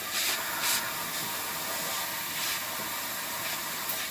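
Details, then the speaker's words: Steady hissing rush of a dental air syringe drying the tooth preparation before slow-speed handpiece use during a composite restoration. "Now, I want you to burst some air to dry my prep for my slow speed."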